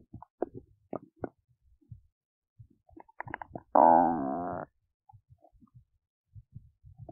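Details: Big belly noises while digesting oats: scattered gurgles and pops with one drawn-out tonal growl, ordinary digestive stomach rumbling.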